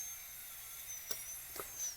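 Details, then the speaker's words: Dental drill on a mannequin tooth drilling small holes to deepen gingivally and axially on the facial side of a class II preparation, steady high-pitched whine with brief grinding touches. "drill a couple little holes. And I could go a little deeper axially on that facial side."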